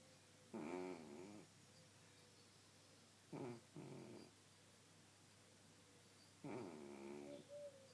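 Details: Sleeping cat with soft, throaty snores with gaps between them, roughly 19 a minute, over quiet room noise; snoring.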